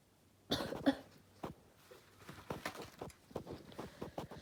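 A single explosive sneeze in a quiet room, followed by soft sniffs and small mouth noises; an induced sneeze.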